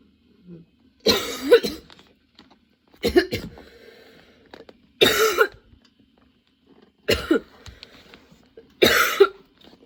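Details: Sudden-onset nonstop coughing fit that kept worsening, bringing tears and repeated position changes for comfort: five harsh bursts about two seconds apart, each a few rapid coughs with a strained gasp; prolonged coughing fit.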